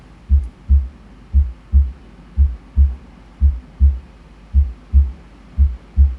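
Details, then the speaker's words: A teaching recording played in a heart-sounds lecture: regular paired lub-dub heart sounds at about 58 beats a minute with no extra sounds between them; normal heart sounds. "This was the normal heart sound."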